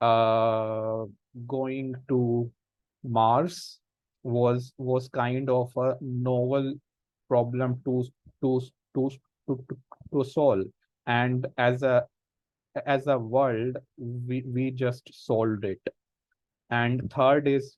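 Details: Speech of an adult man who stammers, a senior volunteer of an association of people who stammer who have taken a self-help path; stuttering.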